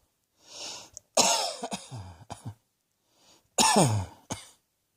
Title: Cross Dressing Coughing 65